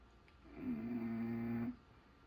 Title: The sounds of Snoring Bulldog